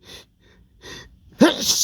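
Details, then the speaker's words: Man with dust allergy at a dusty workplace, sneezing repeatedly: two quick breaths in, then one sharp, forceful sneeze; allergic sneezing. "uh my allergies are really kicking up today it's at work and it's so dusty"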